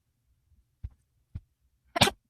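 Two soft catching breaths followed by a sharp, explosive burst of air; a single sneeze in a quiet room.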